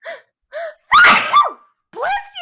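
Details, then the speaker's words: A single forceful sneeze during a live stream: two short squeaky inhalations build up to one loud explosive burst, followed by a whiny vocal sound. "thank you everyone that's that's the best sneeze I've ever heard"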